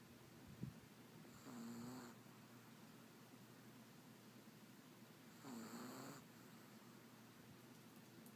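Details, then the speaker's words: Female chihuahua, the owner's littlest, snoring loudly while asleep: two soft, drawn-out snoring breaths, roughly 15 a minute, over quiet room noise. "I don't know if you can hear it but she's snoring"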